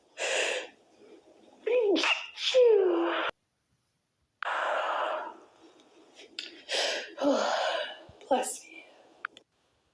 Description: i tried to stifle it , but some of them were to strong.